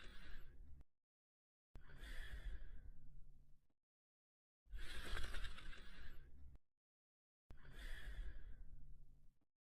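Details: Slow, rough breathing sounds about two seconds each with gaps, a cartoon dog (Slinky Dog) sleeping and snoring; snoring.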